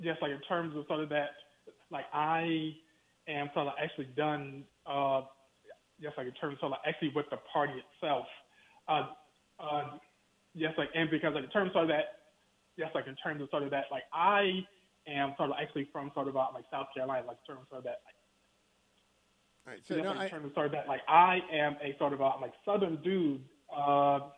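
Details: Stuttering in an adult man who reports that he stutters, heard during a phone interview.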